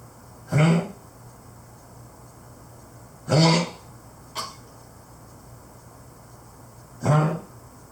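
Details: A Keeshond over 12 years old with a worsening cough gives three harsh, honking cough bursts and one short hack, with quiet room noise between them.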